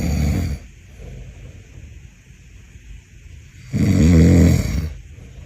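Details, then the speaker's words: Woman singer filmed while asleep, snoring heavily, described as a symphony of snoring: two loud, low, rattling snores separated by a quiet out-breath. "Tá dormind minha filha parecia uma sinfonia de ronco você não tem noção"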